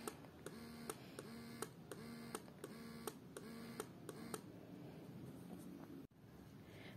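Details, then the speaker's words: Mom Uung electric breast pump after 3 months' use postpartum, with massage, expression and mixed modes at levels 1–9: rhythmic motor whir with a brief tone and click each cycle, about 80 cycles a minute. "dian ada mode expression atau mode untuk memerah ASI, dan ada mode campuran yaitu mode massage dan mode expression atau saat memerah ASI."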